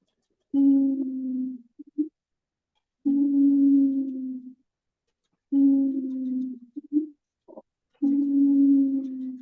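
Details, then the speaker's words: Low musical whistling tones recurring with each breath, about 24 per minute, played in a lesson on lung disease symptoms where a whistling sound indicates bronchial obstruction; wheezing. "So this is the sound, wheezing sound. Okay, I will also send the audio."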